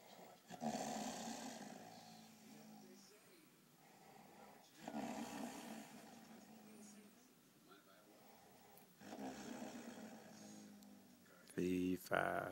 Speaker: The giant is sleeping. We must not awaken the giant.